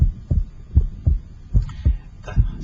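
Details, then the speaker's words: Heart sounds through an electronic stethoscope at the pulmonic area: steady lub-dub at about 80 beats a minute, with the second sound splitting wider on inspiration and becoming single on expiration; physiologic splitting. "and heart sound splits or becomes wider normally with inspiration it becomes single with expiration"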